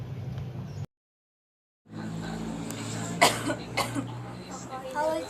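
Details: A student gives an acted cough in a scripted English dialogue, playing a character who has had a cough for less than a week and has seen a doctor.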